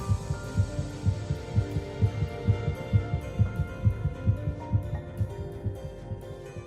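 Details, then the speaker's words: Fetal heartbeat sound in an educational fetal-development animation, described as detectable at three weeks one day, 22 days after fertilization: fast regular soft thumping about 130 a minute over a sustained musical hum; fetal heartbeat. "at three weeks in one day just 22 days after fertilization heartbeat can be detected"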